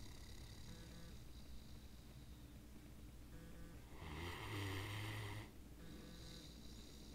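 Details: Snoring with drooling during sleep: soft, low rumbling sleep breaths with one louder snorting snore midway.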